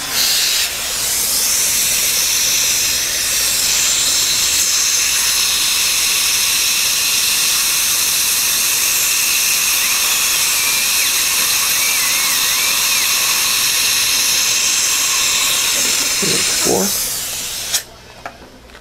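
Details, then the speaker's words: Loud steady high-pitched hiss and whine for about 17 seconds, then stops: dental drill with heavy water spray during root canal access of a crowned front tooth with a dead nerve and jaw-bone abscess; dental drill with water spray. "this may or may not work for us only and we use a lot of water in this procedure so we'll do our best to keep it dry here"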